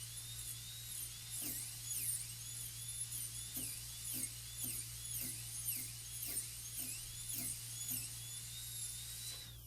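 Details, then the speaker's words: High-pitched dental drill whine, dipping and rising as the bur cuts from the lingual, held parallel to and close to the adjacent tooth, during full gold crown preparation on tooth #30 (mesial damage). "But you see, you have to see how close the burr is to the adjacent tooth when they're coming through here."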